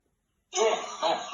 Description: Man coughs until his lungs come out